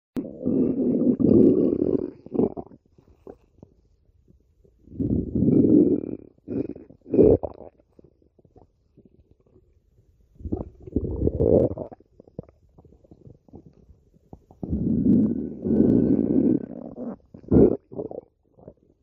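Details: Stomach growling: long, low gurgling rumbles in several waves with short pops between them; ordinary borborygmi.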